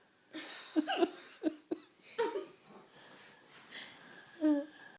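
Several short, jerky hiccup sounds close together, mixed with breathy laughter. Hiccups from more than one person at nearly the same moment.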